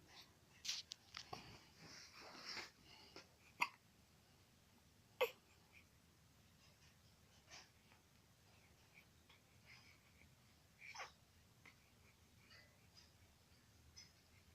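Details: Baby with hiccups, described as uncomfortable, fussy, wanting to cry and possibly thirsty: a series of brief, sharp, irregular hiccup catches with small vocal sounds in a quiet room.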